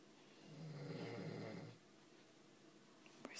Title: Daddy Snores!